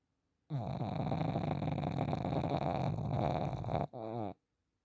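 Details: Sleeping pug dog snoring: one long, rattling snore on the in-breath, then a brief whistling, whining out-breath.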